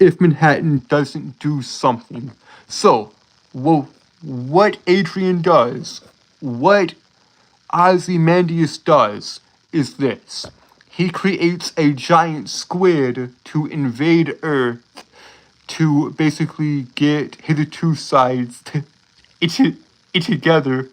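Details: Adult male streamer who says he has a speech impediment causing him to stutter and trip over his words; sound and word repetitions; stuttering.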